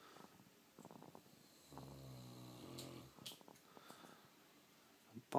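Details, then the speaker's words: Sleeping St. Bernard dog that fell asleep while being shaved: one soft, drawn-out snoring breath with faint clicks and room noise; snoring. "The snoring dog. Of course, he gets quieter when I pull out the video camera. He snores worse than Tula."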